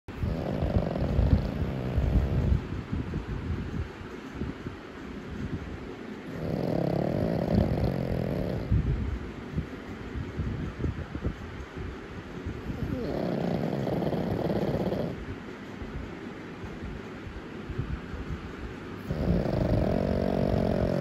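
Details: Black pug puppy asleep: rhythmic low snorting snores about every six seconds, roughly ten breaths a minute; snoring.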